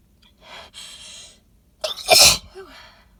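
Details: Induced sneezing from heavily pollen-laden flowers, recorded in a car: sharp preparatory in-breaths, then a wet, messy, forceful sneeze into cupped hands with a brief vocal sound; possible allergy or sensitivity to the flowers is suspected.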